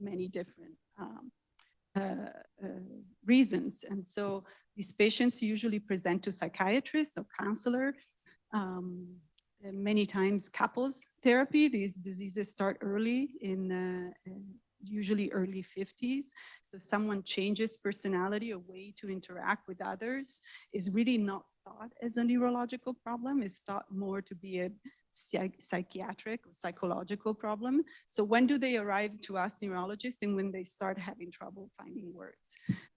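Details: Adult speaker, lecture; normal speech.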